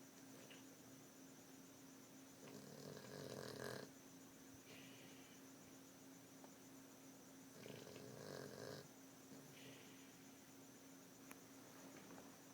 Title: Snoring Dog